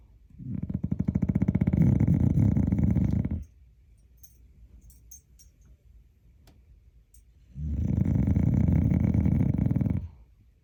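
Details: Loud, long, coarse rattling snores on each breath in, about four seconds of quiet between them, from a dog in heavy sleep said to snore like a hog; snoring.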